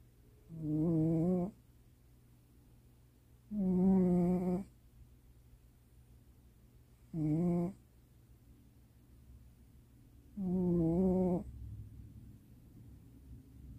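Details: Pet cat asleep in the owner's lap late at night: four slow, regular, faintly buzzing snores, about 19 a minute, with quiet gaps; cat snoring.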